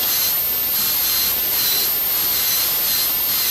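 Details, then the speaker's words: High-speed dental handpiece: steady high-pitched whine with rushing spray hiss during occlusal reduction and buccal functional cusp bevel in a cast gold crown prep on a model mandibular molar. "Again, adjust the orientation of the rotary instrument for each step of this procedure."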